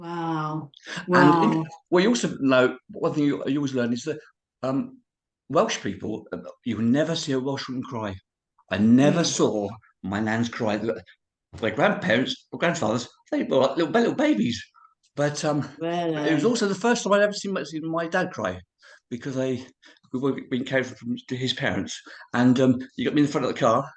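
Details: Man of about 51-52 with cerebral palsy who says he has a speech impediment and cannot say certain words; dysarthria (cerebral palsy).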